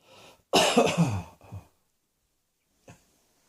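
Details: Cough: one loud, harsh cough with a short follow-on burst, then a faint breath.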